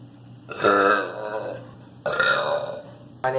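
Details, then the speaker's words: High school student burping after drinking soda, with carbon dioxide gas released as burps: two long, loud, voiced burps about a second apart, each rumbling then fading, in a quiet room. "So when you drink soda, the carbon dioxide gas separates from the liquid, and as the pressure builds up, it needs to go somewhere, so that pressure is released as a burp."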